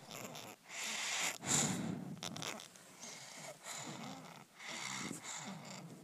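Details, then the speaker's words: Pediatric wheeze: respiratory sound with a musical timbre of varying pitches heard on both inspiration and expiration, in a talk on wheezing in children. "Aquí están escuchando otro audio donde entre el aire y al salir se escucha bien la la ese ruido respiratorio, ese timbre de tonalidades diferentes."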